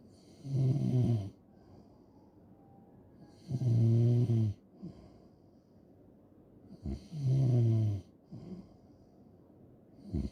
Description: just snoring and snoring loud asmr